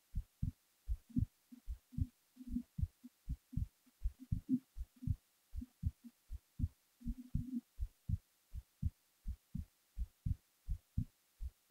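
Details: Heartbeat recorded while the person was falling asleep: steady low thumps at about 80 beats a minute.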